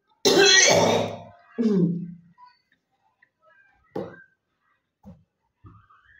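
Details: Deliberate cough for a cough-and-spit challenge: two loud, forceful coughs followed by a few softer throat noises in a quiet room.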